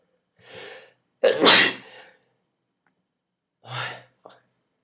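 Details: Sneezes set off by tickling the nose with a twist tie: an in-drawn breath, a loud explosive sneeze, then after a pause a second, smaller sneeze.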